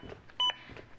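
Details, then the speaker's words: Single short electronic beep from a Zoll AED Plus trainer's adaptive metronome during simulated CPR on a manikin with pads placed, prompting chest compressions to at least 100 per minute. "beats act as an adaptive metronome that monitors my compressions and tries to speed them up to at least 100 per minute"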